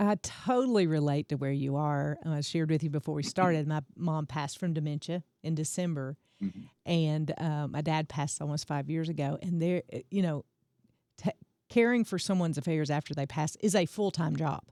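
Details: Adult speaker; normal speech.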